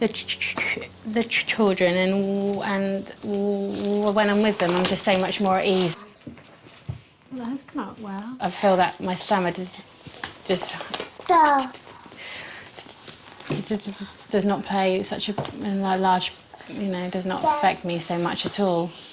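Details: Stuttering (stammering) since early childhood in a 25-year-old woman, a new student on a McGuire stammering technique course.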